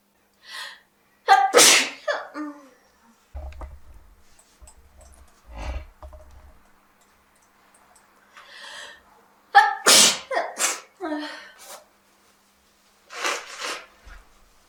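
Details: Several sneezes in a row, each preceded by a breathy build-up, with quiet pauses between.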